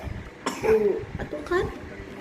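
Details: Two short coughs from a young child with flu or cold, in a quiet room while drinking green coconut water for the cough; a plain cough.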